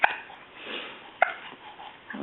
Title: Duelling hiccups 2